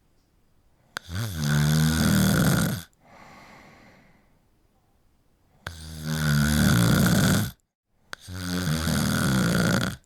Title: Snoring for an hour | Helps you fall asleep | Let's listen